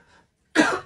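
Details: A single acted adult cough, one short harsh burst after faint room sound, in a staged classroom scene where someone mentions an itchy throat: simulated cough.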